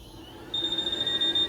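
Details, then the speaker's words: Steady high-pitched alarm tone after a brief quiet stretch on a Dräger Babylog VN600 neonatal-pediatric ventilator during its system self-test, connected to gases with no patient attached; user confirms hearing it, an expected normal ventilator alarm test tone. "Me pregunta si escucho la alarma, yo le digo que sí."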